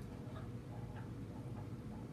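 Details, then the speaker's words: Recorded heartbeat of an organ donor, played from a small speaker inside a memorial teddy bear held up to a microphone: muffled, low, regular thumping. "you can pull out this thing and it has a heartbeat that was all"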